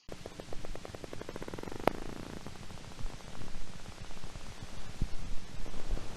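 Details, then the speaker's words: Needle EMG, percussion myotonia after tapping the muscle: a tap-like click, then rapid, repetitive crackly discharges resembling fibrillations and positive sharp waves, waxing and waning in amplitude and frequency, fading in pitch. "The main thing is that it's rapid, repetitive, variable waxing and waning in amplitude and frequency of what look like fibs and positive sharp waves. So if you tap on a muscle and cause that to happen, that's called percussion myotonia."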